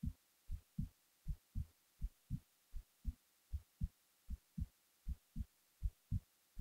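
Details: Clear, steady lub-dub thumps at about 80 a minute against near silence, recorded while falling asleep; a heartbeat.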